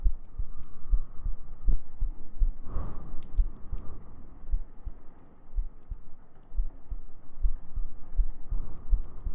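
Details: ASMR sleep-aid recording of heartbeats with gentle breathing and humming; soft, steady low thumps at about 80 beats a minute under a faint hum: normal heartbeat.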